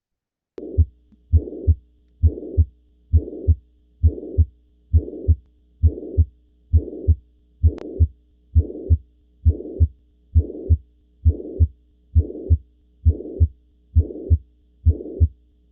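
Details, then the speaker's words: Mitral regurgitation auscultated at the mitral focus in left lateral decubitus (Pachón position): regular heartbeat about 67 a minute with a blowing holosystolic murmur filling the gap from first to second sound. "escuchen ustedes el soplo de Qué opinan Sí parece o no Bueno sí sí es es un sistólico si lo escucharon sí"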